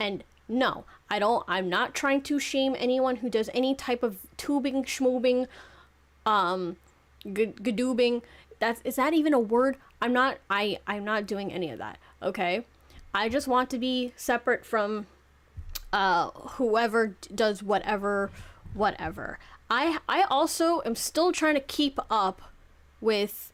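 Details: 26-year-old woman who self-reports clear stuttering issues that make it hard to talk properly; stuttering.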